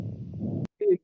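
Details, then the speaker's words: Auscultation over a dialysis arteriovenous fistula: brief continuous low whooshing hum heard in both systole and diastole; the normal continuous bruit of a working access. "good fisher should have a continuous buzz or a hum which should be like a whooing sound that we just heard. The sound is continuous in both the cy and dest phase of the heart sound."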